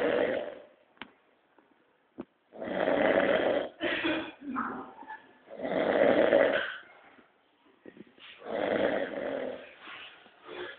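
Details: Loud, rough snoring about every three seconds, roughly 20 a minute, with snorting catches between breaths, from a sleeping animal.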